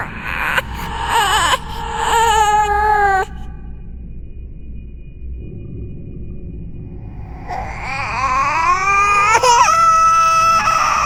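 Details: Simulated horror sound effect, not a real recording: designed ghost baby cry of drawn-out, wavering wails in two bursts with a quiet gap; infant crying.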